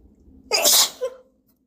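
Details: One forceful sneeze after a brief quiet inhalation, followed by a short trailing sound; sneeze.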